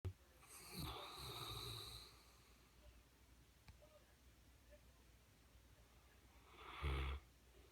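Two deep, rumbling snores with a snorting, fluttering quality and a quiet pause between them: snoring in a sleeping large dog.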